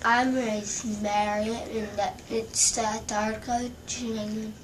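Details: Girl with Sydenham's chorea following a bacterial infection, with involuntary tongue movements during speech and slight facial movements; temporary condition from which she later recovered; hyperkinetic dysarthria (Sydenham's chorea).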